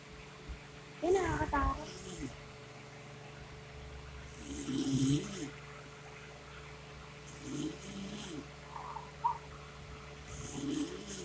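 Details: Mother's snoring with rough, rattling inhaled snores, about four every ten seconds, irritating her 4-day-old newborn, who fusses briefly; steady room hum.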